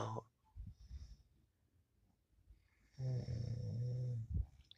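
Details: Quiet snuffling, then a sustained low buzzing snore sound in a small room, performed as part of a song combining singing with snoring; snoring.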